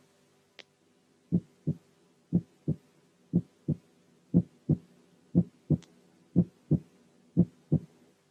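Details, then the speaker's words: Normal heart sounds at 60 beats/min, with paired first and second sounds each followed by a relatively long diastolic pause. "أولا لو كانت الهارت ريت طبيعية أو بطيئة بيبقى سهل، لأن الهارت بيتس بيكون بينهم مسافة كبيرة نسبيا، فبنسمع الفيرست ساوند والسكند ساوند جنب بعض وبعديهم مسافة كبيرة زي المثال الآتي:"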